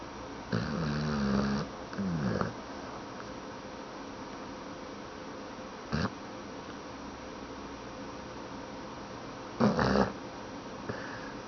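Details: Sleeping dog snoring: throaty, rumbling snores with snorty breaths and long quiet gaps, against steady room hum.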